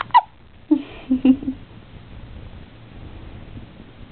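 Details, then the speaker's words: A newborn boy's first hiccups while sunbathing by a window for mild jaundice: a few short, abrupt voiced hiccups close together, then quiet room noise. "There it is. That's the cutest little hiccups."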